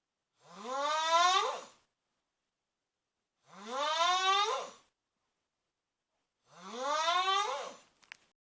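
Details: Cousin snoring: three loud, rising, horn-like tonal snores, about 20 a minute, each on a long breath in with silence between.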